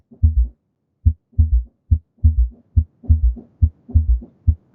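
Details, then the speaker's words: Low-pitched triple rhythm, lub-dub-da ("Kentucky" cadence), about 70 a minute, with an extra sound in early ventricular diastole right after S2: S3 heart sound (ventricular gallop), heard when blood meets a compliant ventricle. "So, the S3 sound comes after S2. It's heard in early ventricular diastole, which means you hear it right after S2."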